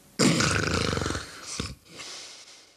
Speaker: is sleep apnea in action. This man's throat relaxes so much that it closes and he stops breathing.